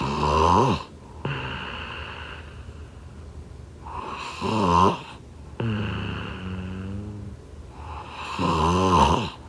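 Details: Snoring: loud rattling snores on each breath in and softer droning on the breath out, about 14 breaths per minute.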